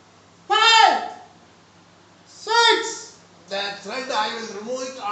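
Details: Normalized male voice after puberphonia treatment by an ENT surgeon; patient previously could not speak loudly for two years; now says he is happy and counts one to six.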